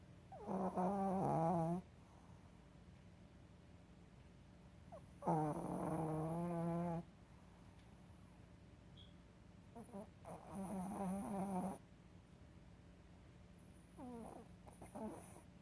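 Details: Sleeping pet snoring: loud, rough snores about thirteen times a minute over steady background hiss; ordinary snoring.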